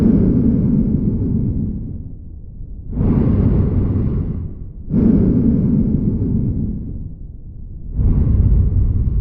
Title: Lung Sound